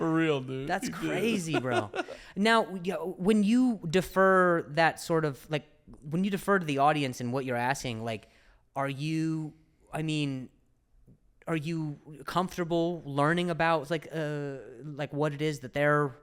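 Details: Comedian known for his own real stutter, speaking in a podcast conversation: stuttering.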